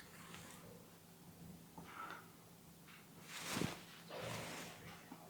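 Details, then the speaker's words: Loud, harsh, hollow breath sounds heard on both inspiration and expiration through a stethoscope diaphragm placed high in the midline, over the trachea, during a normal lung examination: normal tracheal breath sounds. "Ini adalah pernafasan yang kita dengarkan adalah suara nafas tracheal."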